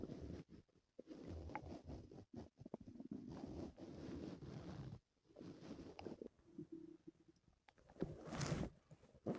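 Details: Stomach pain the previous night: low gurgling and rumbling abdominal noises in repeated bursts, loud bowel sounds (borborygmi).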